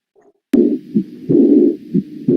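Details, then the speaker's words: Auscultation at the aortic focus in severe aortic regurgitation with visible capillary pulse and uvular pulsation: muffled beats followed by a blowing murmur filling the gap after each beat; early diastolic regurgitant murmur. "Aquí escuchamos el foco aórtico, un soplo diastólico de regurgitación."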